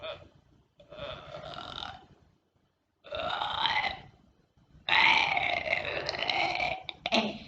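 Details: Simulated burping: the uploader, covered in a blanket, is making zombie noises rather than real burps, heard as three long, loud voiced belch-like sounds with short pauses, then a brief final one; presented as nonstop burping.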